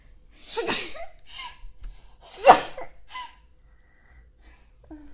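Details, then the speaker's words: Two loud, explosive sneezes, each with a sharp breath in before it and a brief voiced tail after it, in a quiet room. "That was a very loud sneeze. I didn't mean to sneeze so loud. Sorry."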